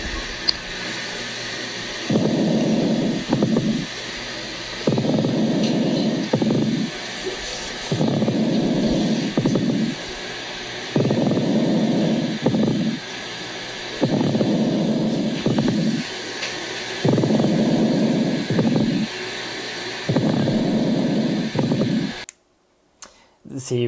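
Coarse, creaking grating sounds recur with each breath, about 20 breaths a minute, against steady hiss: a pleural friction rub.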